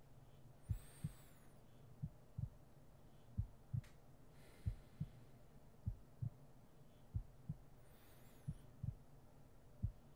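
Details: ASMR sleep-aid roleplay heartbeat recording: slow, steady lub-dub at about 46 beats a minute with a faint breathy hiss in the background; a normal heartbeat.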